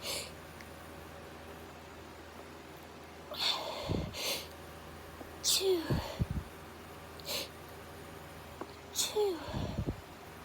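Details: Autumn allergy sneezing fit: a rapid series of stifled sneezes, muffled bursts with short catches of breath.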